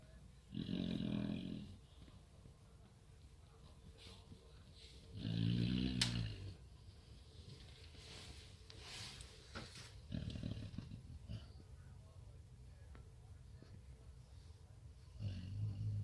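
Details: A sleeping Samoyed dog snoring a lot: two low, rumbling snores about five seconds apart, with quiet breathing and faint room noise between them.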